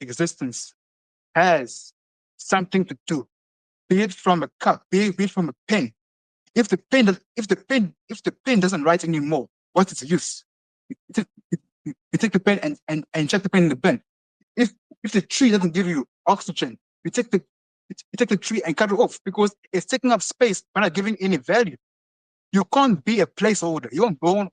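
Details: Adult male who has stuttered since he was a very small boy and has seen many speech therapists, heard speaking with stuttering.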